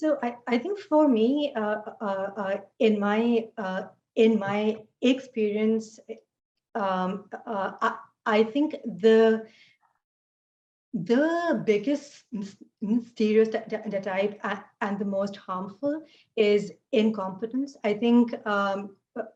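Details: Adult woman who stutters, speech made harder today by fasting and poor sleep, with repetitions, interjections and pauses; stuttering.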